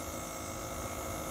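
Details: Steady mechanical hum and hiss of a running nebulizer compressor during a treatment, with no breathing sounds standing out.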